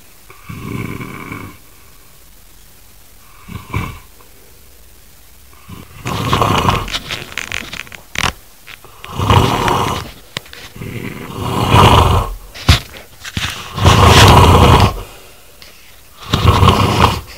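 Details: An adult man snoring loudly in his sleep: harsh, rattling snores with each breath, about every four seconds, some very forceful; heavy snoring.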